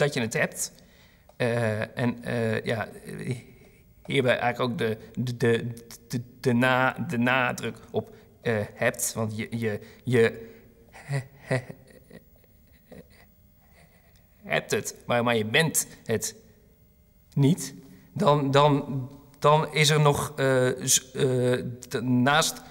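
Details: Stuttering in an adult who stutters, speaking Dutch, with repeated words.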